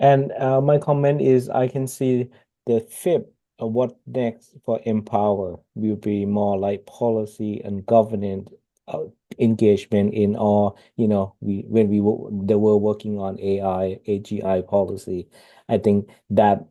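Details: Adult man; plain speech.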